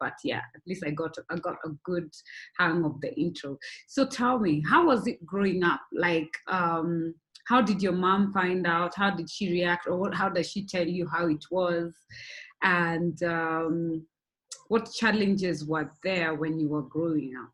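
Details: Adult speaker (host); typical speech.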